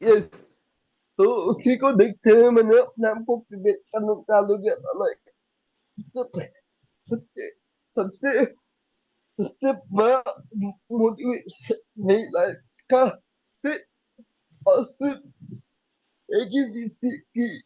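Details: Young adult man with cerebral palsy diagnosed at age 2, unable to speak as a child, still needing double effort to speak clearly; dysarthria.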